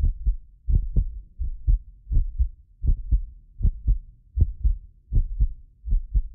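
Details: Heartbeat of a self-described medically fit person, recorded with several precision contact microphones for ASMR: steady paired lub-dub about 80 a minute, occasional doubled click from a ~6 ms delay between microphones; normal heart sounds.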